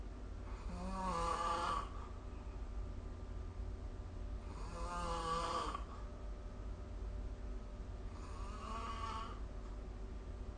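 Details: Snoring recorded with the SnoreLab phone app: three rumbling, fluttering breaths in about ten seconds over steady room hum, roughly 17 breaths a minute; snoring.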